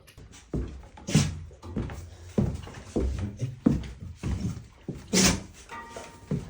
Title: the sneezing seasons begins 🤧 every morning 😂😂😂 || #cute #dogs